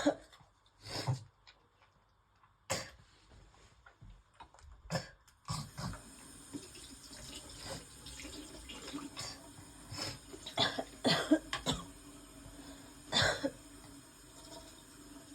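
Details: Adult woman with worsening asthma, coughing while brushing teeth and vomiting: several harsh cough bursts with possible retching over a running tap.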